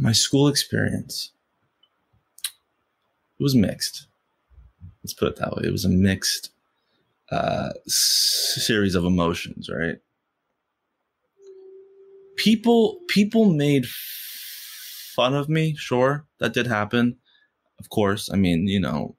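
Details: Stuttering in an adult man who has stuttered since first grade; he stutters most when asking for things or saying something important.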